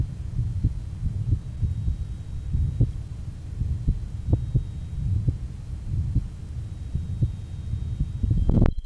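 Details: Johns Hopkins 1955 heart sound recording, rheumatic heart disease with mitral stenosis and mitral insufficiency (regurgitation), aortic area: muffled heart sounds with low rumbling between beats.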